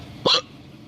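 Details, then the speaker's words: Person with ongoing hiccups: a single short, sharp hiccup, a sudden catch of breath with a brief vocal squeak. "This still hear these hiccups though. Are you aware of the hiccup sitch?"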